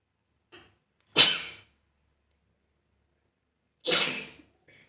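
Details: A faint intake, then two sharp, hissing sneeze bursts about three seconds apart, possibly deliberately produced for a sneezing and nose-blowing challenge.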